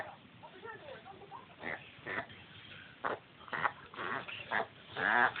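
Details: A dog's reverse-sneezing episode: repeated short snorting inhalations in quick bursts.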